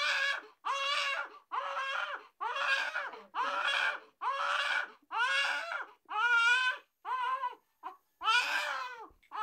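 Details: A newborn cries, reportedly because the fresh umbilical stump wound hurts: repeated loud, strained cry bursts, about 30 a minute, with short gasping pauses.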